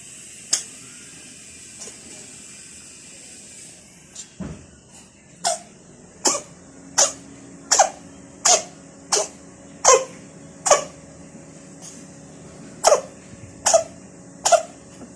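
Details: An adopted stray cat gives a run of about a dozen short, sharp, dry coughs in quick succession: cough.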